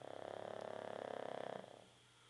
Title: snoring.